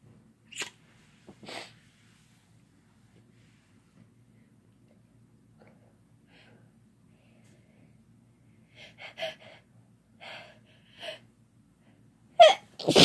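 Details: Two pairs of sharp sneezes, then a quieter run of short sneezes and a final loud one, in a quiet room; people having fun sneezing together.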